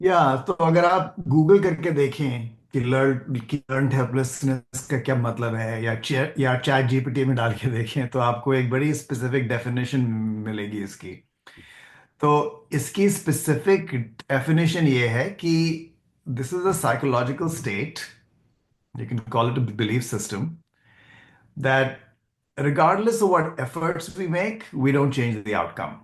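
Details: Adult male speaker; fluent speech.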